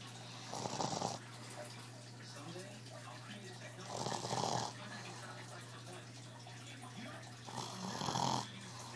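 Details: Sleeping person: three loud, coarse snores about every 3.5 seconds, roughly 17 a minute, over a steady low hum; snoring.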